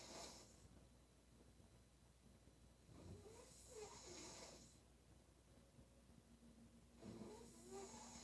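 Two snoring breaths, each with a rough, vibrating inhale and airy hiss, about 15 breaths a minute, over a faint background hum.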